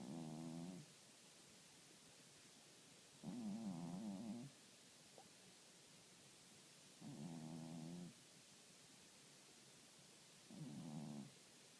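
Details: Regular rough, buzzing snores about 17 a minute, each lasting about a second, with quiet pauses between; snoring.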